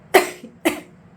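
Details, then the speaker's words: Adult medical student in the fourth week of a respiratory infection with frequent coughing: two short, sharp coughs about half a second apart in a quiet room. "It's been a good while while since I filmed because I've been sick if you can hear. Um I've been coughing a lot. I have a respiratory infection."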